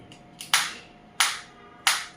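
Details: Focused (not radial) shockwave therapy applicator for physiotherapy fired against the hand at intensity 3 of 15, frequency 90; three loud, sharp, evenly spaced snapping pulses. Focused shockwave applicator firing.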